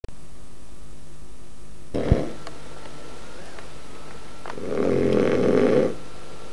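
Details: Snoring recorded in August 1998: a brief snort, then a longer rough, rattling snore on an in-breath, over steady room hiss and a faint hum.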